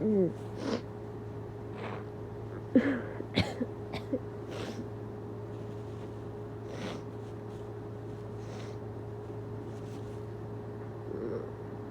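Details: Induced sneezes by a tired person: several short, wet, spluttery sneezes and snorts over steady room hum, clustered early then scattered.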